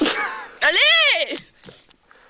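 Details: Sneeze attack in a woman with a very runny nose: a sharp, breathy burst followed by a loud rising-and-falling voiced sneeze, then fainter breaths.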